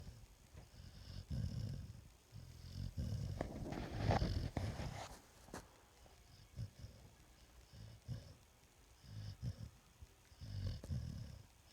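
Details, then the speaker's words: Sleeping animal (Sadie) snoring: low rumbling, irregular breathing noises with snorting bursts. "it's like you're just as bad about soring there honey yeah I know you're pissed I woke you up"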